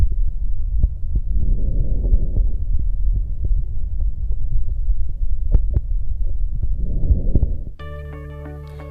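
Soft, low rustling breaths swell and fade over a chest with faint clicks, then music begins: normal vesicular breath sounds.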